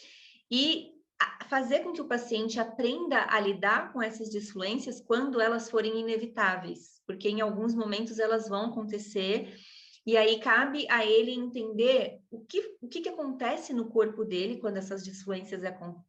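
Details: Adult woman speaking Portuguese; typical speech.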